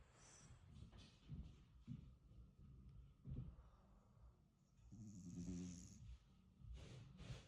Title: Logan went snoring right away! 🐾🐶 #pups #frenchbulldogs #puppies